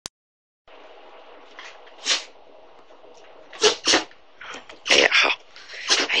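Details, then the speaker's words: Repeated sneezing in a puppy: a run of sharp, hissing bursts in quick succession, about seven in six seconds, over a steady background hum. "我拍到他打喷嚏，太可爱了。"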